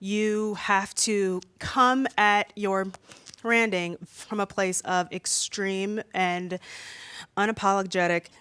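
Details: Adult woman who says she stutters much more when nervous speaking in front of an audience: stuttering.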